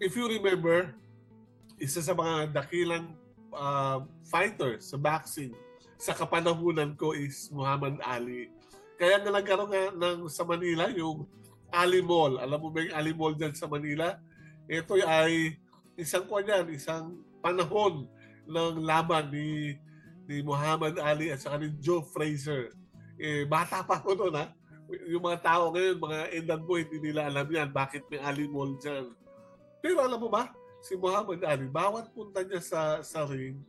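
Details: Adult male speaker; ordinary speech.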